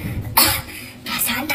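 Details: Two short, harsh cough bursts from a child, deliberately acted as a put-on cough in a comedy skit; the child is told no ice cream because of the cough.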